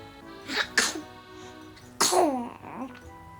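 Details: One-month-old baby boy: two small, high-pitched sneezes close together, then a third with a brief cry-like tail, soft music behind; infant sneezing.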